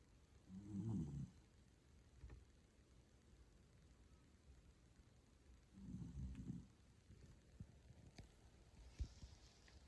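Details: Two soft, low snoring breaths about five seconds apart from a toy poodle in deep sleep, with quiet room noise between them; dog snoring.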